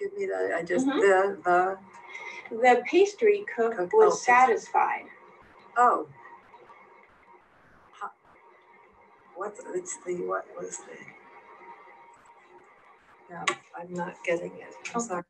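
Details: Patient with logopenic variant primary progressive aphasia, a frontotemporal disorder, doing a sentence repetition task, with impaired auditory verbal working memory; logopenic variant primary progressive aphasia.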